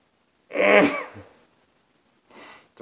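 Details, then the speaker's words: One loud, voiced sneeze with a short trailing breath, part of a sneezing fit about five minutes long, sneezing into an old shirt on a very warm day. "hey that seemed to trigger more oh gosh hey hey hey man we're up to five minutes of sneezing"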